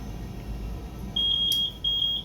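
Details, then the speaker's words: Repeated high-pitched beeping from a Respironics BiPAP machine repurposed as a ventilator with an operating-room double-lumen circuit, alarming for apnea while delivering backup breaths to a test bag acting as a lung; ventilator apnea alarm. "It's going to start pressuring, alarming because it's going to think the patient is apneic."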